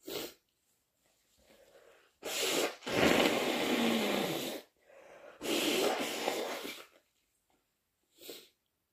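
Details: Sneezing deliberately induced by someone with a cold: sniffing inhalations followed by forceful bursts of expelled air, several sneezes in a row.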